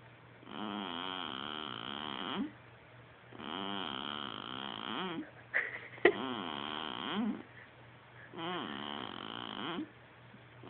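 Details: Baby asleep in a swing, a new noise to the parent: four long, steady rattling snores on the in-breath about every three seconds, roughly 20 breaths a minute; baby snoring.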